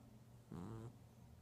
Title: My cat snoring